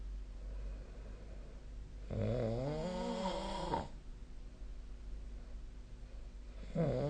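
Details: Snoring, 2025/04/11: a long, loud, vibrating snore on one breath, then quiet, with the next snore beginning; steady room hum behind.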